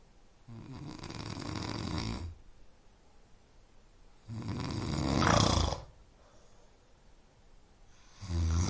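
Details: Deep, rattling snores on slow inhalations with quiet pauses, about three breaths, offered as a sleep-inducing snoring sound.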